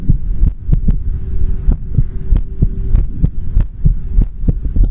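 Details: Heartbeat recording: deep, muffled thumps over a steady low hum, roughly 90 to 100 a minute, somewhat uneven.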